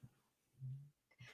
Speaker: my dog is is dreaming he is sleep talking i don't know if you guys can hear it it's like weird noises it's him sleeping and dreaming